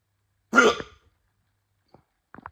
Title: Hiccups again